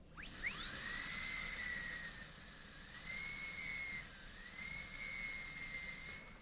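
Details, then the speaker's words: High-pitched steady whine of a high-speed dental drill with a 330 bur, pitch dipping as it cuts beside the adjacent tooth, starting a distal-occlusal Class II preparation on a maxillary molar of a typodont in a teaching demonstration. "so let's go back to the 330 bur and we're going to do exactly what I was showing on the lecture slide I'm going to put a hole right next to the adjacent"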